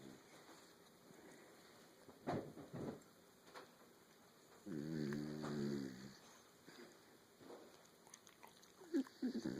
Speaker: God, do you hear that snoring?